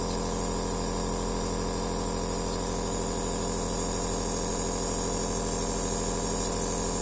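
Continuous compressor drone with regular rapid pulsing and a faint hiss, a nebulizer machine in operation.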